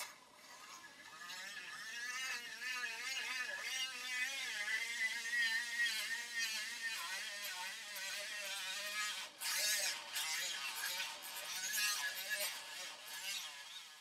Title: Dentist Drill Sound Effect